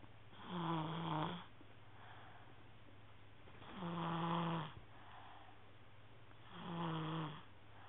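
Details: Three slow, rattling snores with quiet pauses between, about 19 a minute, over a steady low room hum; snoring recorded on a mobile phone.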